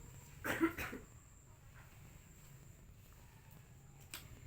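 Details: One deliberate cough after a deep breath held, from an adult woman patient sitting leaning back, coached by a nurse in deep-breathing and effective-cough training to clear the airway; she reports feeling relieved afterward.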